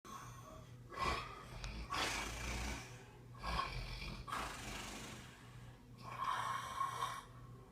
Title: Sleep Snoring Shower